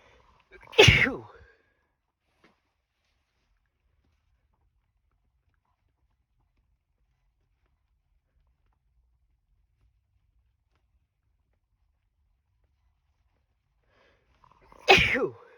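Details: Two loud, harsh, forceful sneezes separated by a long quiet gap. The adult works in a pet shop and deliberately induced the sneezes after bedding dust irritation; they were rough enough to leave the throat sore.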